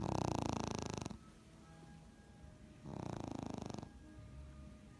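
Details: Sleeping smooth coat Brussels Griffon dog snoring: two long, loud, buzzing rattles with quiet gaps between.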